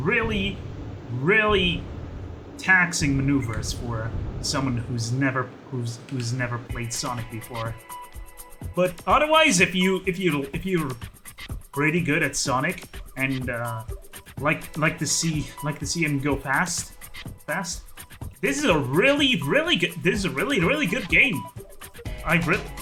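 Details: Stuttering in an adult male who calls his own speech a stuttery mess; repetitions of words and phrases throughout live gameplay commentary.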